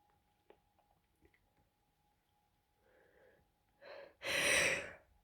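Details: Person with a bad cold and congestion, deliberately suppressing sneezes because others are in the house: quiet breathy build-up, a short muffled burst, then a stronger held-back sneeze; stifled sneezing.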